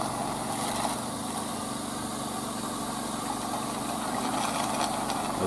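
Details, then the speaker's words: Portable dental unit demonstration: steady rough motor drone with gurgling suction as the saliva ejector draws water into the collection bottle, switched by an inductor; dental saliva ejector suction. "firstly live ejector take it down and demonstrate by the water"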